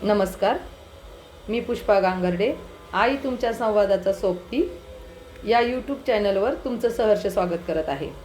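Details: Adult woman speaking Marathi; Normal speech.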